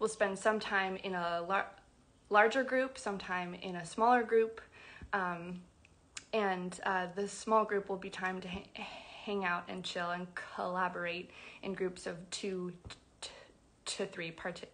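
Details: Adult woman who identifies as a person who stutters, speaking spontaneously on a livestream; stuttering.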